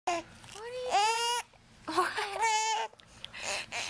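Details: Infant with hiccups, fussing and crying: two drawn-out, tuneful wails with brief pauses between them.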